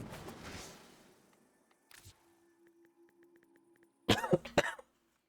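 A quick run of about three harsh coughs near the end, over faint electronic tones and beeps; an adult's cough while recovering from COVID.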